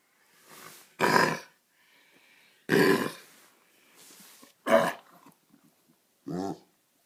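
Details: Golden Retriever puppy, first night of kennel cough caught from a neighbour's dog, gives four harsh honking cough bursts, each preceded by a softer rasping breath.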